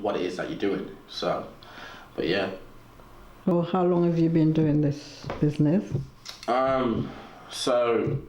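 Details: Adult male speaker; normal speech.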